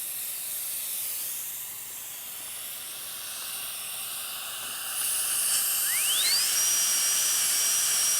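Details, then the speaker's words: Continuous high-pitched whine and hiss of a high-speed dental drill sectioning the periodontally involved distobuccal root of an endodontically treated maxillary first molar, checked with an explorer and avoiding the lingual and mesiobuccal roots. "Periodically, a cohorn explorer is used to check to see if we are through the route. must be care must be taken not to nick the lingual or the messial buckle root."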